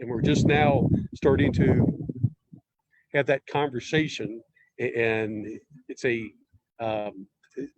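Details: Stuttering presumed in an adult male podcast guest from a stuttering network, speaking in conversation with pauses and fillers.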